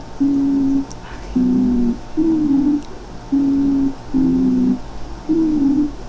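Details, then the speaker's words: Stridor in a child breathing at normal tidal volume, high-pitched sound from tracheal or laryngotracheal narrowing (tracheitis, laryngotracheitis), sometimes audible at a distance, sometimes needing a stethoscope. "i ese es el escritor muchachos a veces lo escuchamos a distancia a veces tenemos que poner el estetoscopio pero ese sonido agudo que se genera aquí"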